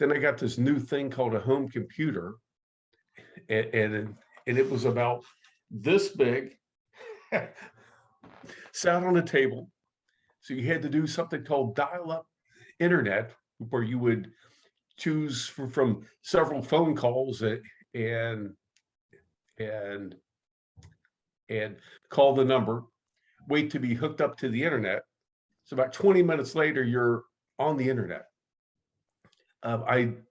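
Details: Adult man who stutters, active in the stuttering support community for over 25 years; stuttering.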